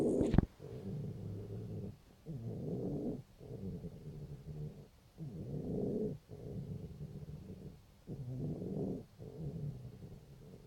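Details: Cat, 5 days after laryngeal tie-back surgery: loud, rough, snoring-like noise on each breath, about 30 breaths a minute; stertor.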